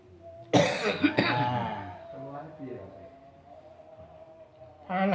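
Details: A couple of harsh coughs with throat clearing, then fading voice sounds, from a client with a long-standing cough and sore throat during a massage treatment; reports breathlessness, tiredness, headache and a temperature of 38.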